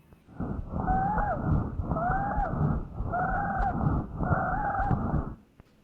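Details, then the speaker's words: Four noisy breaths, each with a musical whistling tone, played in a pathophysiology lecture as the sound of a foreign body in the airway; breath sounds with wheeze. "ahora lo que vamos a ver es muy frecuente no en este caso el hecho de tener algunas algunos cuerpos extraños ya vamos a escuchar cuando existe un cuerpo extraño en la vía respiratoria"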